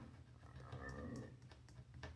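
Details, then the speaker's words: A person's stomach growls shortly after eating: a low, wavering gurgle and rumble with faint clicks and room noise; stomach growling (borborygmi). "Sorry if you can hear my stomach growling. I just ate and for some reason it just loves to do that."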